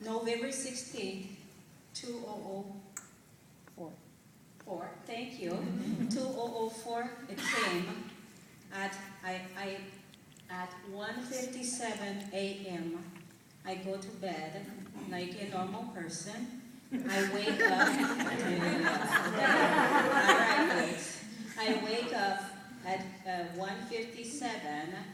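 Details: Adult woman with foreign accent syndrome of sudden onset in November 2004 after a night-time episode she felt was like a heart attack or stroke, now heard as a foreign (taken as Jamaican) accent; no diagnosis found; six months of speech therapy; cognitive impairment, right-sided weakness.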